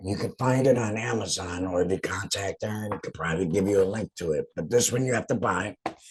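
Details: Adult laryngectomee speaking; alaryngeal speech after total laryngectomy.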